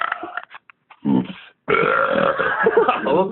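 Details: Deliberate belching by an adult recorded on a phone mic: a few brief throaty bursts, then a long, loud, rumbling belch over a second and a half.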